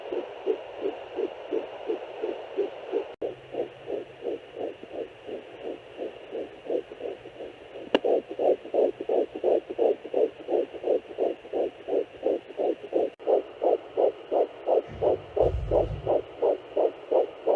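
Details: Fetal heartbeat found with a home fetal Doppler at 8–10 weeks of pregnancy: rapid, regular whooshing pulses at about 170 beats per minute.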